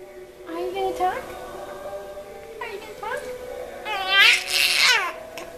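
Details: Infant yelling and crying with hiccups: rising and falling cries broken by brief hiccup catches, in a small room.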